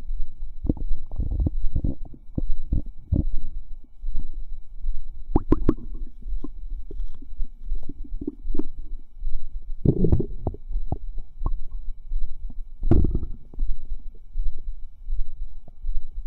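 Continuous low gurgling, bubbling and squelching with frequent pops and fizzing bursts: active bowel sounds, normal digestive movement.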